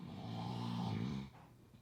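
One deep, rumbling, buzzing snore on a breath in, lasting just over a second before fading: snoring during sleep.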